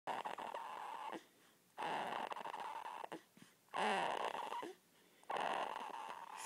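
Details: 2-week-old newborn snoring: soft, rustling snore sounds repeating with each breath at about 38 breaths a minute.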